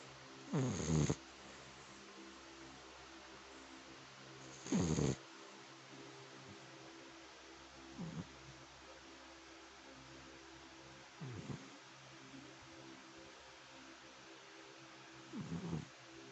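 Low, rattling snores every few seconds, some loud and some faint, over quiet room noise: a sleeping dog snoring.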